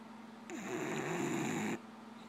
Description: Watch this lazy dog snore